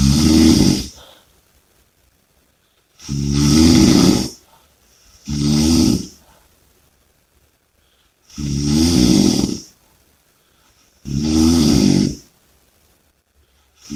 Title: Snoring & Heavy Breathing (Audio)